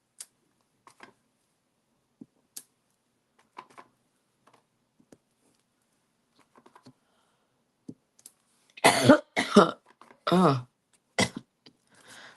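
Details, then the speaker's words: Short run of about four loud, dry coughs from an adult crafter after quiet tapping and paper-handling sounds; cough. "making fun of me downstairs. You can hear me coughing."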